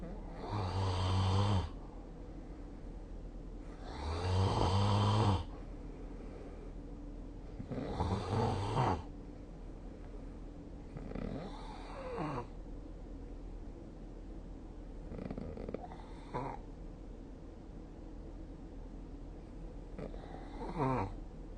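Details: Snoring during sleep: rhythmic, rumbling snores recurring with each breath, about 16 per minute.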